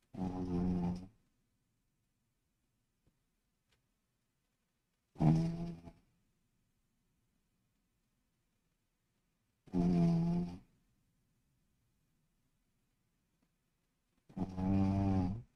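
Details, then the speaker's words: Sleeping dog (Charlie) picked up by the microphone during a live stream: rumbling snores about every four to five seconds, roughly 13 a minute, with silence between; harmless snoring. "can you hear Charlie snoring [Music] looks like the mic is picking up on it"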